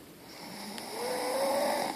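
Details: A single rising, whistling snore lasting about two seconds.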